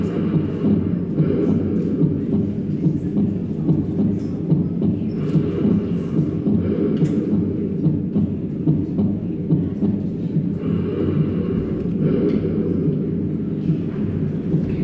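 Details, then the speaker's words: Split first heart sound (split S1) in a cardiovascular examination lesson: heart sounds at about 70 a minute, with S1 heard as two close sounds from separate closure of the atrioventricular (mitral and tricuspid) valves. "S1 kalau splitnya itu adalah pemisahan bunyi antara katup Atrium ventrikular tentunya ya kan mitral dan S1 Kan tapi terpisah ya mungkin seakan-akan dia seperti S3 dari S4 juga"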